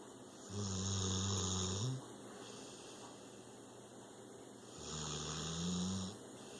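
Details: 6-year-old rescued pit bull snoring during a mid-afternoon nap, out cold: two long, low rumbling snores with a quiet pause between them, regular sleep snoring.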